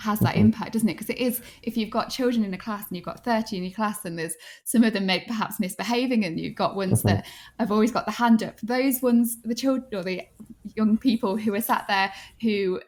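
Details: Adult woman speaking; typical fluent speech.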